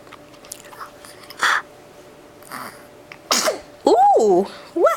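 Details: Several short, sharp sneezes followed by a vocal sound, as the sneezer responds by talking after sneezing.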